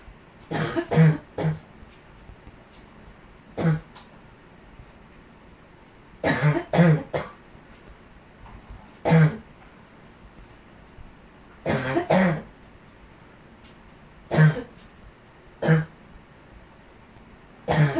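Repeated bouts of short coughs, mostly in groups of two or three, with quiet pauses between: a recurring cough.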